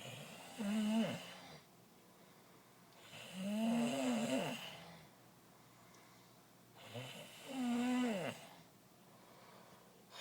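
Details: Three loud, rattling, vibrating snores on breathing in, about one every three to four seconds, with quiet breathing out between them.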